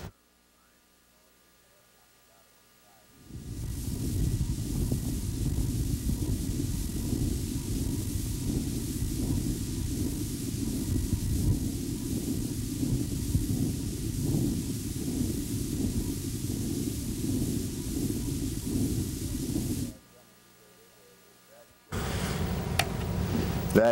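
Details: Patient with congenital carotid-fed vascular anomaly (arteriovenous fistula) of the infratemporal fossa/jaw: auscultation over the left face gives faint regular transmitted heart thumps under a low rumble, with no bruit.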